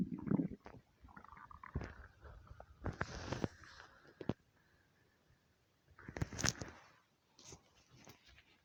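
Irregular low gurgles and squeaky rumbles with quiet gaps; hunger-related stomach rumbling, a normal bowel sound.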